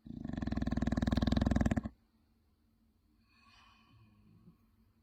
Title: Pit bull snores like a monster 😱😱😱